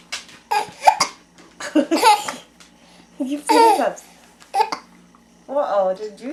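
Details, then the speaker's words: Baby boy with hiccups while his mother makes him laugh: infant giggling, laughs interrupted by short sudden hiccup catches; faint background hum. "Uh-oh. You have the hiccups now."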